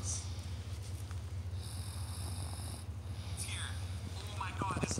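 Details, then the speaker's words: A low, rattling snore from a sleeping girl who fell asleep watching videos, partly masked by movie dialogue and music playing nearby; snoring. "Your sister's sleeping right now. Oh, she's snoring."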